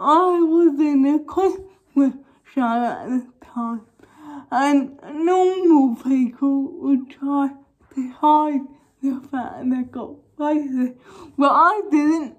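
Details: Young woman with cerebral palsy causing involuntary movements, recently fitted with braces on top and bottom teeth; dysarthric speech (cerebral palsy).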